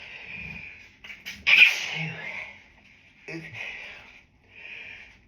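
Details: Two muffled, held-back sneezes with breathy catches before them, from a person with grass pollen allergy set off by a dog in the office, stifled in the toilets with a siren in the background; allergic sneezing.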